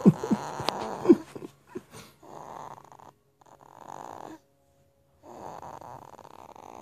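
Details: A young son snoring in his sleep: repeated rattling snores on each breath, with short pauses between breaths.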